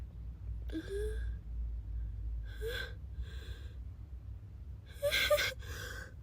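A quick catching in-breath, then sharp, hissing sneeze bursts, about four in a row. Sneezing.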